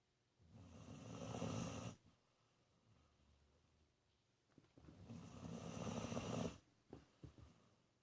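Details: 19-year-old dog snoring loudly while sleeping with eyes wide open: two loud, rough, rattling inspiratory snores, each over a second, with quiet pauses between; snoring.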